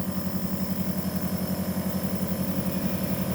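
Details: Steady, low motor hum with rapid, regular pulsing from a nebulizer compressor running a breathing treatment for a young child with a wheezy cough.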